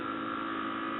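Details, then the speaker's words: FreeStyle 5 portable oxygen concentrator (AirSep) running during an oxygen test, started with button three before buttons one and five are held until an alarm sounds; steady mechanical hum with a constant tone. "once the portable concentrator has begun to operate you can then depress buttons one and five"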